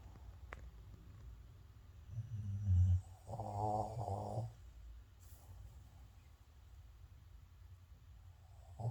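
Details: Low, throaty, rumbling snores on breathing in, with a couple of rattling breaths in a quiet room; snoring.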